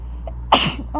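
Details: Sneeze set off by tickling the nose with a feather while trying to hold it back: one sharp, explosive sneeze after a faint catch of breath, with steady room hum behind it.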